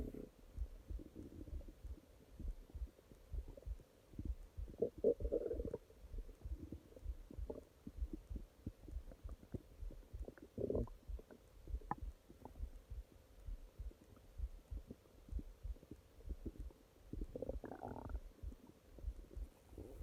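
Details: Nighttime stomach growling: irregular gurgling and rumbling from the abdomen caused by gas and fluid moving in the gut; bowel sounds.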